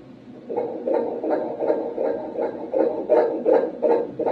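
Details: Fetal heartbeat at 11 weeks of pregnancy on transvaginal ultrasound: rapid, regular whooshing pulses at 158 beats a minute, a rate stated to be normal.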